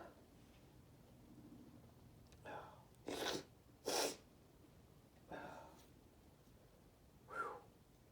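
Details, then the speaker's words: Adult male in a sneezing fit after deliberately using a strong irritant, with a burning nose: five forceful sneezes in quick succession with brief breaths between, over a quiet room hiss. "Ooh, let's sneeze. Oh, wow, that burns. Wow. Oh, wow, that burns a lot."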